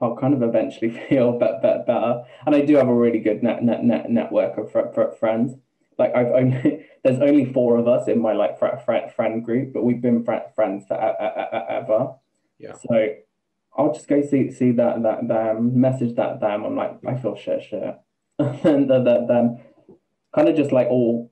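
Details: Man, 28, with Tourette syndrome beginning about two years ago, with involuntary swearing, repeated words and a new stammer he never had before: vocal tics with stammering (Tourette syndrome).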